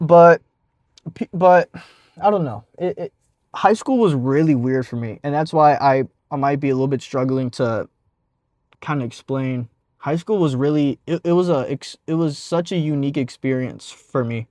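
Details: 52-year-old man, jazz player and rap singer from California, introduced as a famous stutterer, describes himself as a person who stutters; stuttering.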